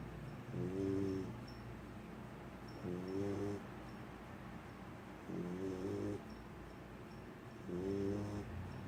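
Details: Female puppy snoring softly while asleep: soft, regular snores at about 25 a minute, with a low room hum.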